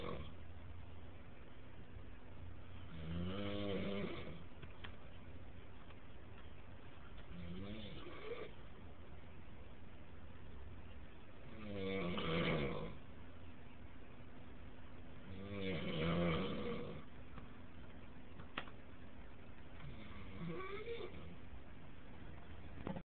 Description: A friend of ours was staying with us and he was snoring so loud I had to record it lol, after the camera was turned off was when he really got loud.